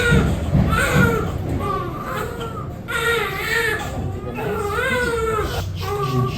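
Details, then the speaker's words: Newborn baby girl in her first week, crying during a bath: repeated rising and falling wails with short breaths between, over quiet adult talk and music; ordinary newborn cry. "Baby, don't cry. Don't cry, baby girl. Just so quick, baby girl."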